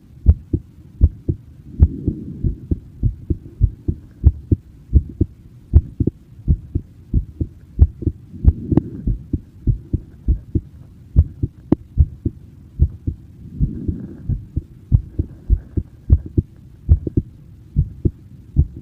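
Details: Steady, regular low thumping heartbeat, the uploader's own recorded in person, with faint soft rustling in the background.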